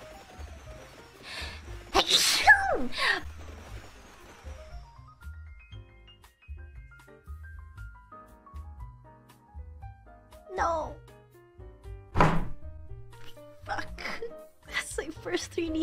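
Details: Female VTuber sneezing on a livestream: a sharp sneeze with a breathy lead-in, then background music and brief voice sounds; an ordinary sneeze.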